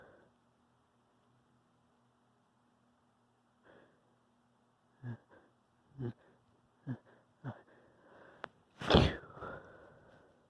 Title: variety sneezes